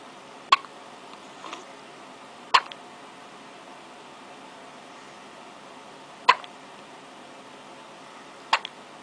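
Four abrupt, sharp hiccup clicks over nine seconds, about 16 a minute, over steady low room noise.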